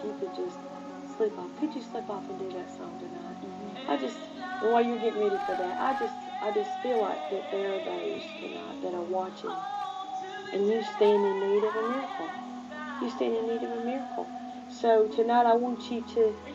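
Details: Adult speaker, broadcast; ordinary speech.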